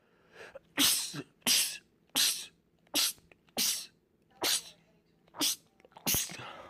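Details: Male sneezer, part of a compilation of rapid sneezing attacks: eight forceful sneezes in rapid succession, about one per second, each a sharp explosive burst, repeated sneezing.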